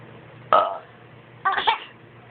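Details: Father burping for a giggling baby: two short throaty belches about a second apart over low room noise; burping.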